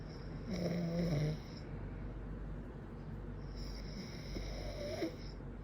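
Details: Adult man snoring in sleep: two loud, low, rattling snores on breathing in, with quiet stretches between; ordinary snoring.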